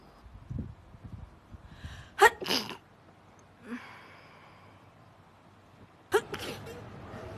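Two sharp explosive sneezes, each with a brief intake of breath before, over faint room noise.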